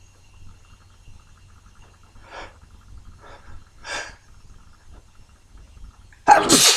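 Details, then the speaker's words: Quiet breaths and inhalations, then a sudden loud, explosive sneeze in a morning sneezing bout with messy spray; sneezing. "Ooh. It's messy. Two. Everything's getting absolutely caked in spray."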